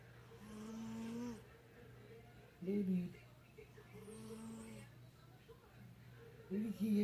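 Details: Sleeping cat snoring: soft, low, purring rasps that come and go with slow breaths in a quiet room.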